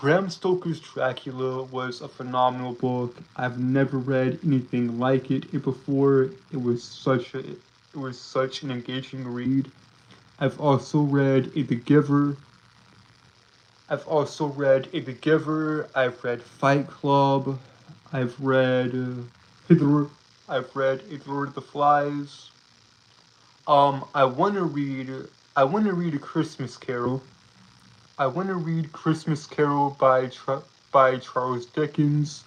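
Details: Male streamer with a self-reported speech impediment that he says keeps him from speaking clearly; speech impediment (disfluency).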